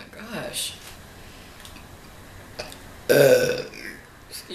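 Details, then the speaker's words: A loud, voiced belch of about half a second amid eating noises, in an eater who says they are lactose intolerant (taking pills for milk), not supposed to eat wheat, and have food allergies: burping while eating a sandwich. "I can explain where all the burbs come from I'm lactose intolerant I'm not supposed to eat wheat"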